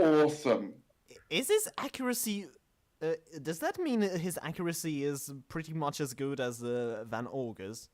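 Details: Podcast host whose co-hosts are called the non-stammering hosts, implying he stammers; show combines manga talk with speech therapy: stuttering.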